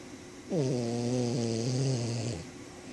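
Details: A single long, buzzing, humming breath with a steady droning tone, like a vibrating snore; snoring.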